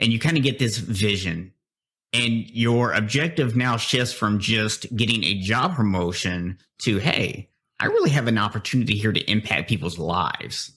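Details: Adult man speaking; typical speech.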